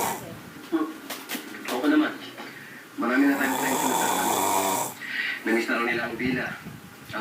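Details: Loud, rough, rattling snores from a sleeping adult, with one long vibrating breath and shorter snorts around it, in a quiet room: snoring.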